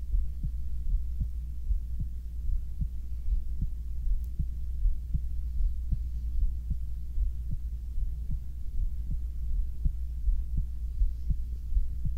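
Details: Soft, regular low thumps of a person's heartbeat, about 80 a minute, over a steady low hum, recorded for binaural ASMR while lying down to sleep; stomach sounds may be included; normal heart sounds.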